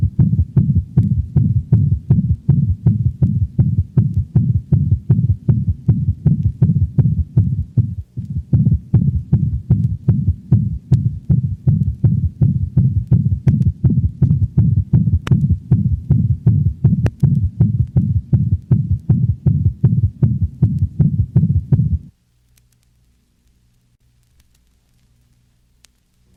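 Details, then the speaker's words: Dog in heart failure: fast regular heartbeat with a loud murmur followed by a low-frequency thud, an intensified third heart sound, second sound possibly muffled; S3 gallop with murmur. "the third heart sound is a low frequency sound that gives the impression of a thud after the murmur"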